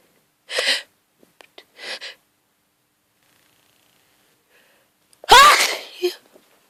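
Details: Hungover person who fell asleep in a garden, with hay fever from grass pollen: two short breathy in-breaths, then a forceful explosive sneeze.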